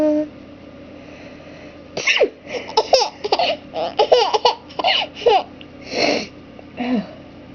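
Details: Parent sneezing while their daughter laughs: a rapid run of short, sharp sneeze bursts mixed with laughter, several in quick succession; sneezing.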